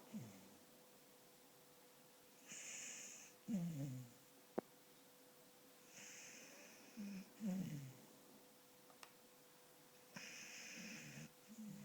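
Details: 4-year-old beagle snoring in sleep: slow snoring at about 15 breaths a minute, each with a rattling intake and soft hiss.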